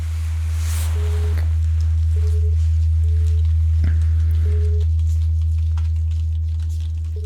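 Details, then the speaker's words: Simulated pure-tone hearing-test beeps in an ASMR medical roleplay, played through headphones: short steady beeps at irregular gaps over a low constant hum, with the listener asked to report left or right, onset and offset. "Okay, so now I'm gonna be playing some sounds, beeps mostly, and I'm gonna be needing you to tell me whether you hear them to the left, to the right, when they start, when they stop, okay?"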